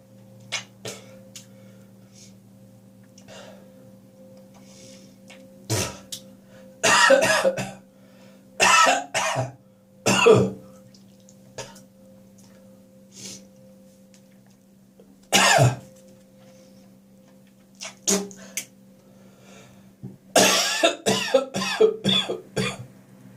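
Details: Adult's morning cough, possibly after too much beer the night before: scattered bursts of coughing and throat clearing with gagging and spitting sounds over a steady room hum.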